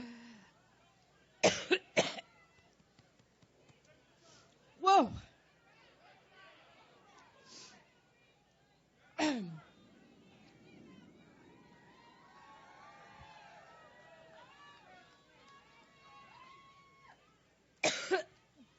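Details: A woman's coughing fit during a Labor Day campaign speech in Cleveland: about five sharp, harsh coughs with faint crowd noise and whistling between.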